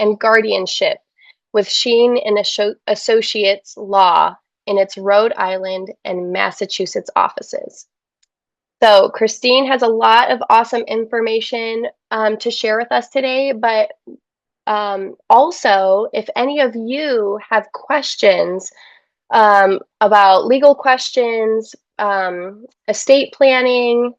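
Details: Adult woman speaking; typical speech.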